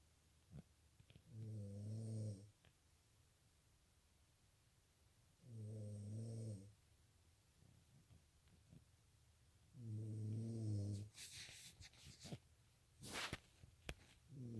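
Deep, buzzing snores on each breath in, roughly every four seconds, about 14 a minute, with quiet pauses between; ordinary snoring in a quiet room.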